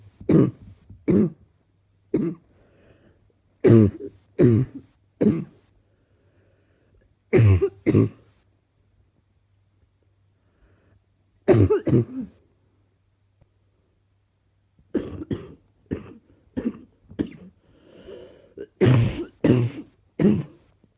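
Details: Bouts of short, slightly chesty adult coughs with throat clearing, present since waking this morning, about twenty coughs in several clusters.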